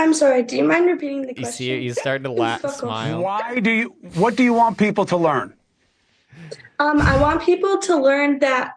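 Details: Young woman with Tourette syndrome, a neurological disorder of involuntary motor and vocal tics; vocal tics including coprolalia (involuntary swearing).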